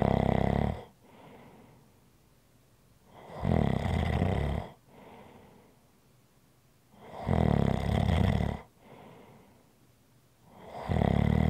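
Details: ASMR relaxation recording: loud, rough inhaled snores about every four seconds with quieter breathing out between, roughly 15 breaths a minute. Snoring.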